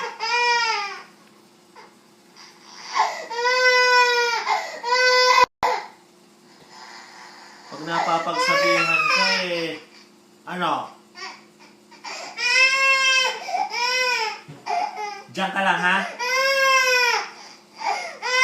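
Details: Young girl crying after being scolded: repeated wailing sobs with catchy breaths between cries while an adult comforts her.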